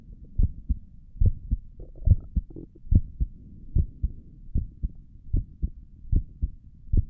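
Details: ASMR recording of an adult's resting heartbeat, heard through a stethoscope on the chest: steady low thumping at about 70 beats a minute with soft hum behind; normal heartbeat.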